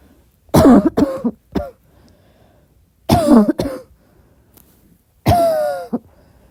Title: midnight soft cough